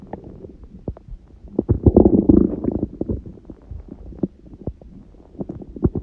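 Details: Stomach growling recorded at 1:30 am after eating a large udon meal at 19:30, first gluten in a while: gurgling, bubbling rumbles with a louder, longer growl in the middle.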